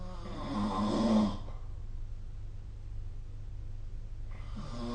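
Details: Snoring during sleep recorded with the SnoreLab phone app: a rough, rattling snore on the in-breath, then a quiet pause before the next breath.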